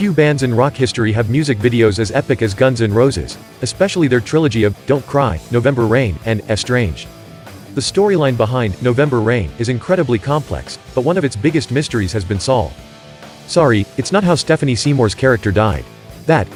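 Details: Adult male narrator over background music; ordinary speech.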